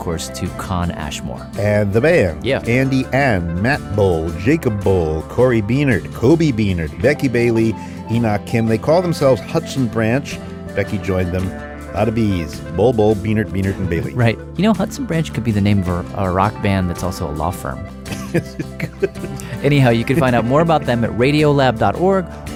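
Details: Adult male speaker; normal speech.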